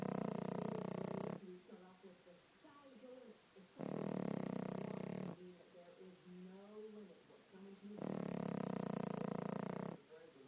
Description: My pic dog snoring with one eye open.